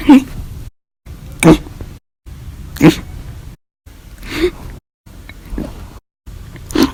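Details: Repeated violent, loud hiccups after lunch and dinner (after drinking a cup of soda), in a bout lasting hours; short, sharp voiced catches recurring about every second, roughly six in the span.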